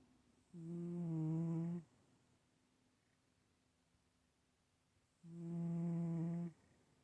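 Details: Two long, steady, low humming snores about five seconds apart with quiet pauses between them; snoring.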